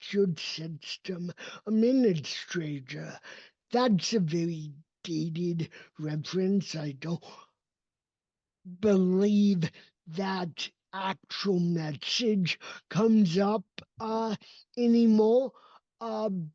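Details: Adult male with cerebral palsy, a neurodevelopmental disability; speech did not emerge until age seven after extensive speech therapy and requires constant ongoing training; real, not acted; dysarthria (cerebral palsy).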